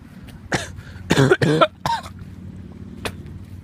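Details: Adult with a cold, still recovering, gives a short run of four or five harsh coughs outdoors at a train station, faint background rumble; excuses himself afterwards.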